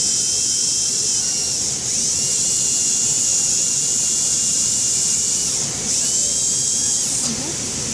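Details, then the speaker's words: Loud high-pitched whine with short pauses as a dental handpiece runs a flexible sand disc to lower and polish the marginal ridge of a Class II maxillary MO composite filling on tooth #3. "You can actually use it to lower the marginal ridge when you put too much composite on. Kind of go like this. You can use it to lower it. And I really like this because these are flexible and they don't overcut."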